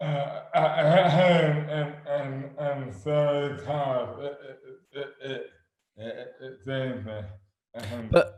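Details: Adult man with dystonia, sudden overnight onset in 2008 (about 12 years before this 2020 recording) with no known cause, speech dramatically impaired and hands also affected; dysarthria due to oromandibular dystonia.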